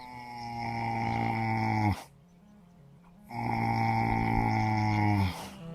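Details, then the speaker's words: Two long, deep, droning snores with a steady buzzing tone separated by a quiet pause, attributed to a horse snoring at night in the forest; snoring. "вот так в джунглях Вьетнама словно Зомби храпят свиньи когда спят"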